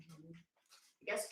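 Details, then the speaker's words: Dog breathing heavily and whimpering in the background of a room, then a sharp, explosive, hissing burst of air: a dog sneeze. "You can probably hear a dog in the background sneezing away."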